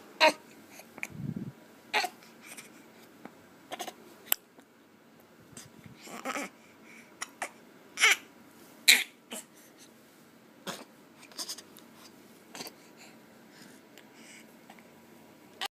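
Brief, sharp catches in the breath recur at uneven intervals amid soft baby sounds: hiccups.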